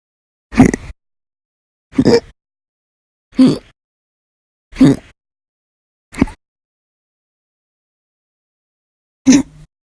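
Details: Six short, sharp voiced gulps about every one and a half seconds, with a longer gap before the last; hiccups recorded by the person themselves: hiccups.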